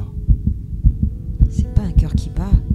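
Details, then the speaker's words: Rapid, regular, muffled fetal heartbeat thumps with a low whooshing quality, heard on an ultrasound scan, likened to a ticking bomb before being revealed as a beating heart. "une bombe qui fait tic-tac non c'est un coeur qui bat"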